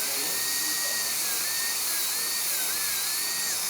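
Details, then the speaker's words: High-speed air-turbine dental handpiece with 1557 carbide bur doing gross reduction for an all-ceramic crown prep on tooth #9 (rounded shoulder): steady high-pitched whine dipping slightly while cutting; operator notes the turbine sounds like it's starting to fail (possible bearing out). "that turbine almost sounds like it's starting to go on this hand piece we'll see here"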